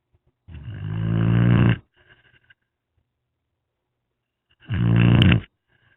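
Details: A foster dog snoring during a rainy afternoon nap, with two loud, rattling, low-pitched breaths several seconds apart.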